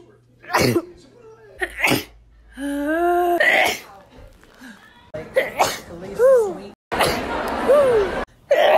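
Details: Several sharp, explosive sneezes, some preceded by a high-pitched indrawn breath; ordinary sneezing.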